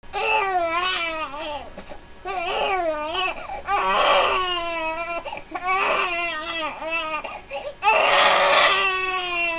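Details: Infant son with colic during his first three months, unsoothed by feeding, burping or bouncing: intense, high-pitched, sustained wailing cries in repeated bursts.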